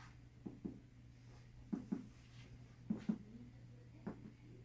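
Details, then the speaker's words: Paired finger taps on an adult lab partner's abdomen in a practice head-to-toe nursing assessment give hollow, drum-like notes; tympanic in all four quadrants, a normal tympanic abdominal percussion finding. "Okay. So, it's tempanic in all four quadrants."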